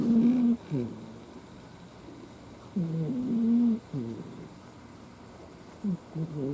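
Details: Snoring: loud, buzzing snores about 19 times a minute, with quiet pauses between breaths, from a sleeping cat named Ai, a formerly stray cat.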